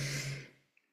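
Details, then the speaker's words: Sleeping dog snoring: one short, noisy breath with a low fluttering rumble that fades out, heard in the background of speech. "Je suis désolée si vous entendez des ronflements, mais c'est ma chienne qui dort."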